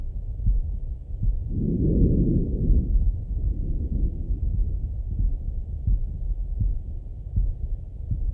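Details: Normal heart sounds from an adult male on stethoscope auscultation, with breathing sounds.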